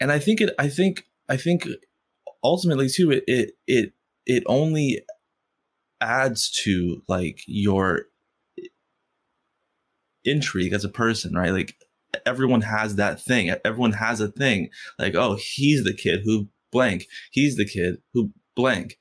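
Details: Stuttering in an adult man who has stuttered since first grade and stutters most when asking for things or saying something important.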